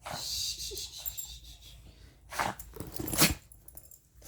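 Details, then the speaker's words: A dog's sneezing attack: a short run of sharp bursts of air through the nose with snorting breaths between them, while the owner soothes her and urges her to breathe; sneezing. "Mama's got you. We had a sneezy attack. Oh my goodness."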